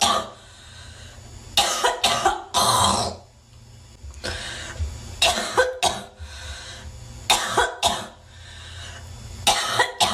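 Repeated harsh coughs in short clusters, some sounding like throat clearing, with room noise between them.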